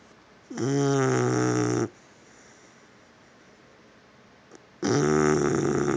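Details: Snoring after being worn out from running: two long, loud, buzzing breaths with a steady droning pitch, separated by about three seconds of quiet.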